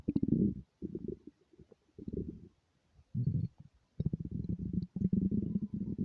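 Low gurgling, rumbling bursts from the abdomen: stomach growling with hunger, normal bowel sounds.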